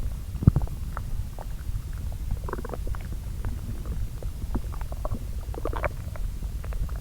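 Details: Self-recorded abdominal sounds from two areas of the lower intestine, overlaid, digesting the previous day's meals: soft, irregular gurgles and brief bubbling clicks over a low rumble; normal bowel sounds (borborygmi).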